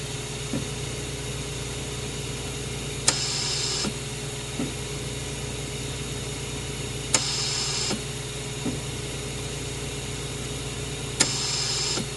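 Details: Hospital mechanical ventilator sound effect: cycles about 15 times a minute, each with a click and short airy hiss, over steady machine hum.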